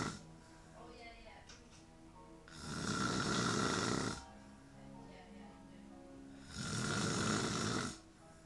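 Two long, rough, noisy breaths about four seconds apart, with faint music and voices behind. Snoring.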